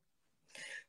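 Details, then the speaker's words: Single brief, breathy cough from an adult woman unwell with a cough. "K Sampai kapan kau batuk"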